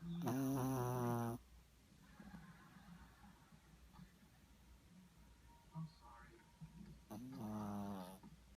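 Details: Snoring in a small 6-pound dog: two loud, buzzy snoring breaths with quiet breathing and soft room noise between them.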